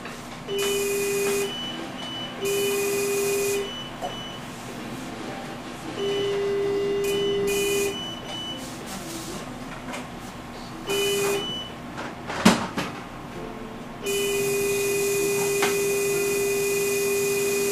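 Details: No-vacuum phacoemulsification cataract surgery (NVP throughout the procedure, case 2): repeated steady electronic machine tones in bursts with hissing over room noise.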